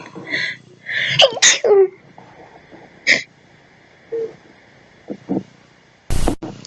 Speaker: I really have to sneeze. Excuse me. I know my sneezes are really childish.